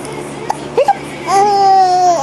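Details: Infant with hiccups, fussing with a giraffe toy: a few short hiccup-like catches, then a brief, high, sustained wail; a short fussy cry.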